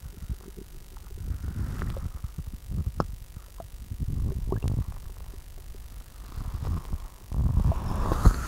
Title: Girls Upset Stomach Growling